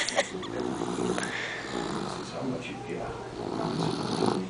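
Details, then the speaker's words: A tired son snoring during sleep: a steady rattling snore, continuous across the breath, under some room noise. "My son could snore. I don't know if you can hear it, but wait, hold on."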